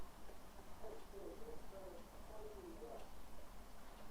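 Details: Severe dysphonia in a patient's connected speech sample, voice so disordered that acoustic analysis struggles to calculate values; called a particularly extreme example.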